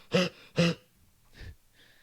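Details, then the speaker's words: Adult with chronic asthma since childhood, hospitalized about nine times for attacks until age 10–11, now rarely has attacks: voluntary cough, two loud harsh bursts then quieter breathy exhalations; chronic cough in asthma. "now fortunately i don't suffer from asthma attacks anywhere near the rate as i used to but this i still have a chronic cough so at any point i want i can cough and sound like this"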